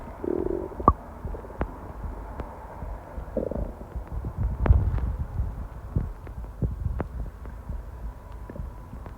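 Low gurgling rumbles and squeaks from the abdomen over faint background noise; ordinary stomach growling (borborygmi).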